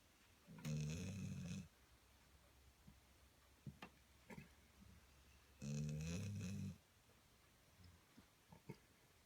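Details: Sleeper snoring: two deep, buzzing snores about five seconds apart, each lasting about a second, with quiet breathing between them in a small room; snoring.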